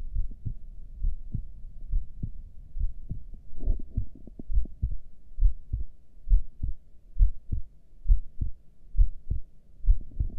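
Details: Normal heartbeat recorded during a breath hold with heart rate display: steady paired low thumps at about 67 beats a minute.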